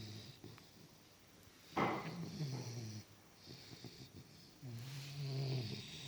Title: Sleepy Little bulldogs baby loud snore